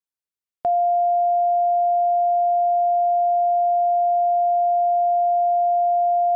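After brief silence, a single steady mid-pitched beep holds for about six seconds: a pure tone hearing-test signal in a simulated audiometry roleplay.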